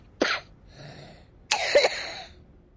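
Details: Two separate coughs from a child actor in a quiet room, the second longer and harsher with a brief inward breath after, simulated for an anti-smoking advert about secondhand smoke; cough.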